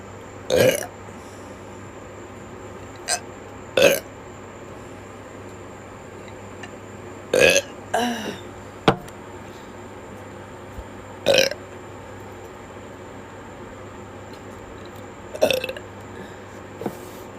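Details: Repeated burping: several short belches spaced a few seconds apart over quiet room hiss.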